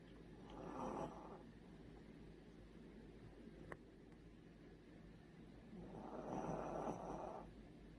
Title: The snoring is a little loud and sleeping enjoy this beautiful looking